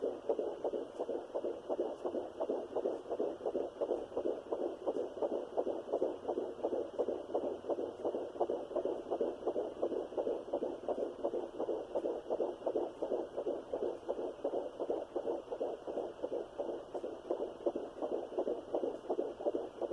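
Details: Fetal heartbeat at 12 weeks of pregnancy on a Sonoline B fetal Doppler with a 3 MHz probe, in a third pregnancy after two miscarriages. It is a rapid, regular whooshing pulse of about 165 beats per minute.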